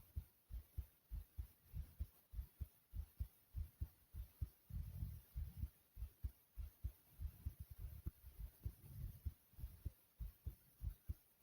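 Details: A steady, low, muffled thumping heartbeat at roughly 100 beats a minute that shifts from loud to low, with soft hiss and some rubbing noise; an ordinary heartbeat.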